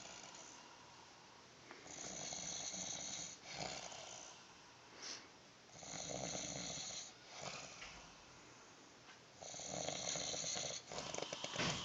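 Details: Sleeping adult man, a shelter resident who denies snoring: loud, rough, rattling breaths at irregular intervals; snoring.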